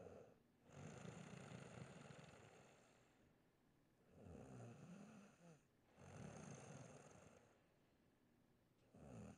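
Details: Snoring during sleep: loud, rough, low rattling noises on breathing in, with quieter breaths out between them, about 11 breaths a minute.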